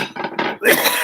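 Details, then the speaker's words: Adult's short run of rough, throaty cough bursts ending in one louder, harsher cough in a small room, after drinking lemon water with slices; cough. "Just had me some lemon water with the slices in there. So excuse that cough."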